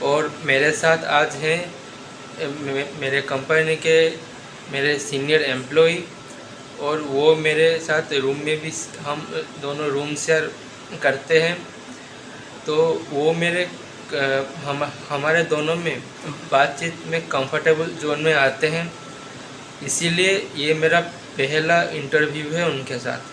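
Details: Adult man who stammers, introducing a colleague in an interview; stuttering.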